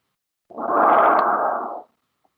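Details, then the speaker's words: Bronchial breath sounds, a single loud, harsh, hollow blowing breath like tracheal sound, heard over peripheral lung in pneumonia, where consolidation transmits tracheal sounds to the periphery. "entonces usted coloca el poniendo a cada periférica mente y escucha un ruido muy similar al que escucharía si estuviera ocultando la tráquea que es más o menos algo así"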